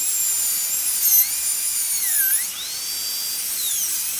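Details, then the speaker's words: Air-driven dental handpiece cutting a seized handpiece nut off a low-speed Midwest Shorty handpiece: high-pitched whine dipping in pitch as it cuts into the metal. "So I'm going to start cutting here. Okay, so see, I'm just making that incision right there."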